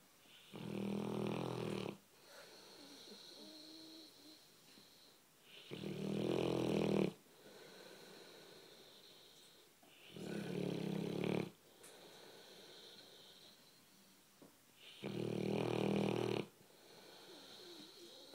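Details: Sleeping American bulldog on a couch snores with loud, rattling inspirations about 13 breaths a minute and softer whistly expirations.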